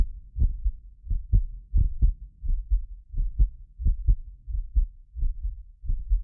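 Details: Heartbeat of a medically fit adult recorded with multiple precision contact microphones: steady low thumps at about 85 a minute; occasional doubled clicks from microphone delay. Normal heart sounds.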